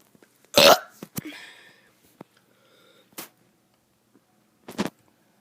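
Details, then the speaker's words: A child doing a few short, forced burps, each a brief throaty burst separated by quiet pauses; burping. "Hey guys, I'm gonna be doing some burps."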